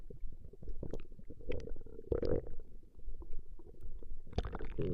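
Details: Woman's stomach growling from a 20-minute recording: continuous low gurgling and growling with squeaky, watery bubbling bursts; ordinary borborygmi.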